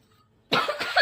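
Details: After a brief silence, an adult woman gives a quick run of harsh coughs in a small room while practicing as a wedding emcee.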